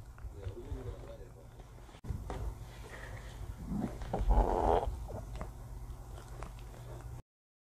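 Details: Shih Tzu dog gives a loud, throaty burp after eating, a natural release of swallowed gas; frequent burping was thought to come from eating fast in an awkward twisted posture.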